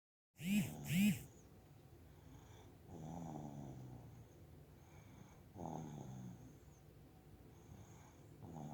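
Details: Ordinary snoring during sleep: two loud rough snorts, then softer rumbling snores on the breath, said to sound just like a relative's snoring.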